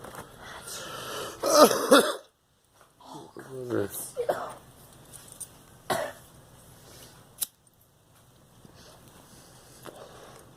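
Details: Girl coughing: one strong, harsh cough from a child, followed by a brief voiced sound and a few softer throat noises.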